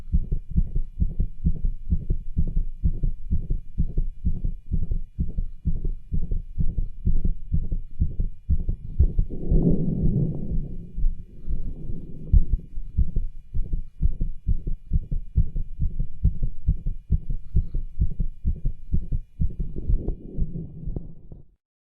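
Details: Fast heartbeat with an added murmur and scratchy rub, loudest over the pulmonic area, recorded with a cardiology stethoscope over the tricuspid, aortic and pulmonic areas while the patient does pushes to raise his heart rate.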